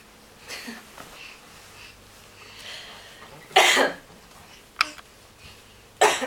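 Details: A child's cough: two loud, harsh bursts separated by quiet breathing and a brief click, with faint room noise between; a plain cough.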